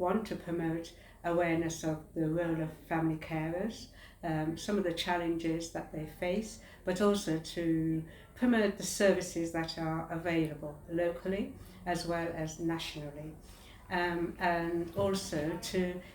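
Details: Adult woman speaking; normal adult speech.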